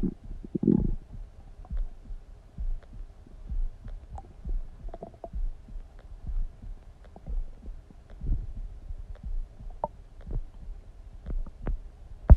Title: Stomach Sound ASMR | My Stomach Makes Noises